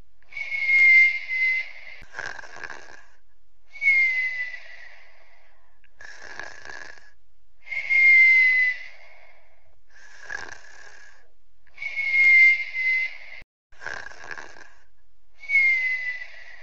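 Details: Boyfriend sleeping while sick: slow, regular sleep breathing at about 14 breaths a minute, with a high whistling tone on each breath and brief rough snoring sounds, giving noisy breathing during illness.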